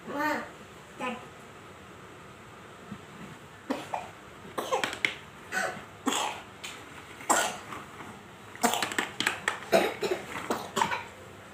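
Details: A sick young child who stays cheerful gives several short, loose coughs among babbling and vocal sounds in a small room.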